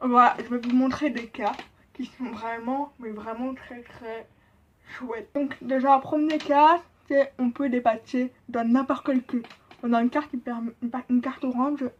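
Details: Deaf speech in a profoundly deaf woman who learned to speak at an association from age 1; she says people notice what she calls a deaf accent.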